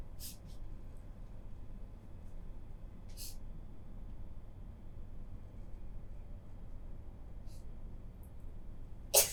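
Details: Sneezing: three soft, hissing sneeze-like bursts spaced a few seconds apart over low room hum, then one loud, abrupt sneeze at the end.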